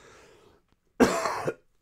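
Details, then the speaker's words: Adult coughing after a hard run, which the person says usually brings on coughing: quiet breath noise, then one forceful, harsh cough lasting about half a second. "um with coughing um like i normally cough anyways for a little bit after a run especially if it's like a decent run"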